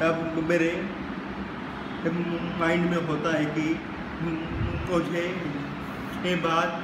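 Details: Young man who stammers; his stammer worsens in college and public places and eases with friends; stuttering.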